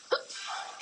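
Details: A single sharp, brief gulping hiccup over a hissing background, from a 15-year-old girl with persistent, non-stop hiccups.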